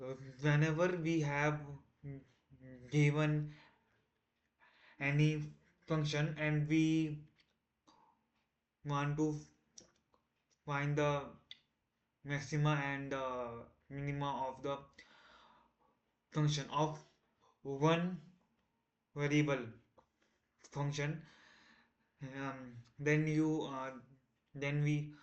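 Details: Male self-described person who stammers, day 1 of a 30-day stop-stammering challenge, trying not to stammer while explaining a math topic; stuttering.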